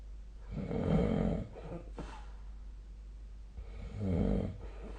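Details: Snoring during sleep recorded with the SnoreLab snore-tracking app: two low rumbling snores on breathing in, separated by a quiet pause, in a quiet room.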